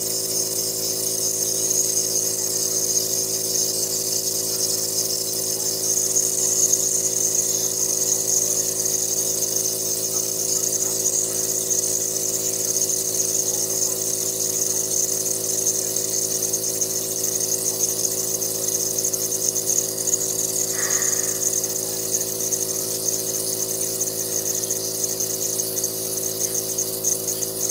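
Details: At night, a person with asthma who is wheezing runs a nebulizer treatment; a compressor gives a steady motor hum with hissing airflow.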